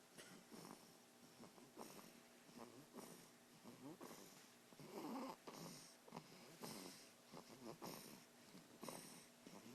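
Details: Sleeping child snoring; the child has a chromosome disorder with a degenerative brain defect, epilepsy, autoimmune disorder, autism and lung issues, and the parent says he is perfectly fine.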